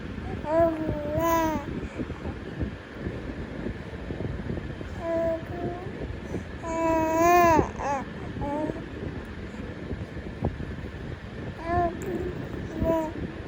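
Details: A 3-month-old baby makes short, tuneful cooing vowel sounds between pauses, typical early babbling.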